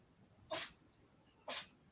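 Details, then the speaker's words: Sneezing from a pet named Niffler, heard during a live stream; the owner wonders whether it needs medication. "don't know if you can hear that, but that's Niffler sneezing. Nif, do I need to put you on something?"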